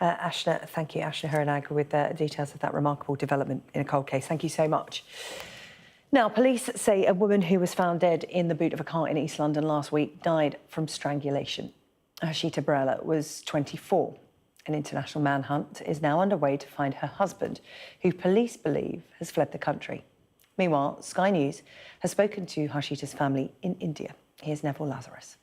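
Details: Adult female news presenter; normal speech.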